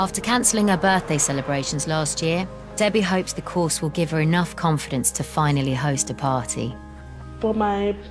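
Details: Adult narrator; normal speech.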